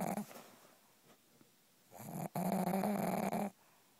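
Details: Sleeping pug snoring: a loud, buzzing snore on the in-breath, with a quieter breath before it.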